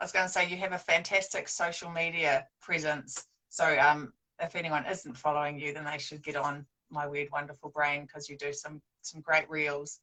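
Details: Adult woman speaking; normal speech.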